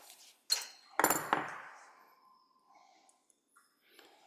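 Three sharp metallic strikes in quick succession, then fading ring; slap hammer used to remove a joint dilator.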